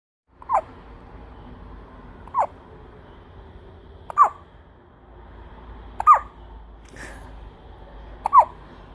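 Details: Newborn baby's first hiccups since birth, with five brief, sharp hiccup sounds about every two seconds in a quiet room; the baby seems puzzled by them; newborn hiccups.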